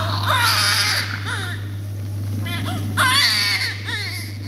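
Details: Vigorous, strong high-pitched infant crying during suctioning, over a steady machine hum; infant crying.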